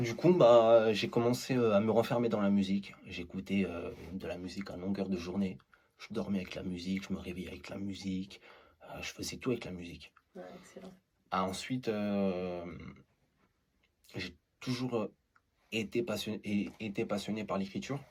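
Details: Man who stutters; stuttering.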